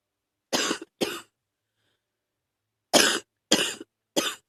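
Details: Chest cough on day 4 of a viral illness that has moved into the chest: five harsh coughs in two bursts with a pause between.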